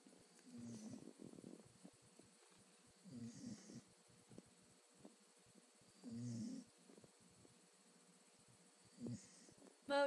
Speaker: He's snoring. It's so cute.